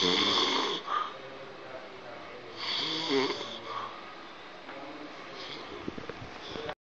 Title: OMG Snore - kharata